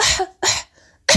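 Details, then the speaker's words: Three short, breathy throat bursts, deliberate voluntary coughs made as an Arabic pronunciation exercise for the throat sound of the letter ha, not from illness. "now i will cough in arabic and listen to me the sound goes from my throat"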